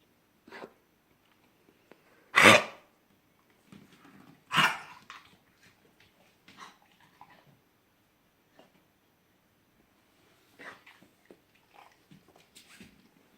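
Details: Dog coughing: two loud, harsh bursts with softer snorts and breathing noises between them.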